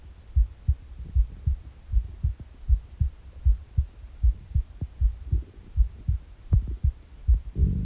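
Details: A morning recording on an empty stomach: a regular heartbeat at about 78 beats a minute, with soft gurgling bowel noises from the empty stomach; normal heart sounds.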